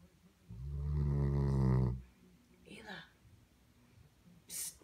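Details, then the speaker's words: Spinone dog snoring: one loud, low, rattling snore on an in-breath, then a softer exhale and a brief snort in a quiet room. "what are you doing? You were snoring."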